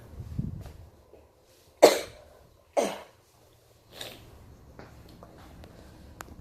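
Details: Adult recovering from a sinus infection, now with a cough and stuffy nose: two sharp, forceful coughs about a second apart, then a softer, breathy third effort in a quiet room; repeated cough.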